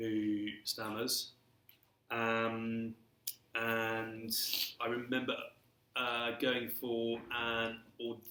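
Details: Adult male who has stammered since early childhood and throughout his career; stammering (stuttering).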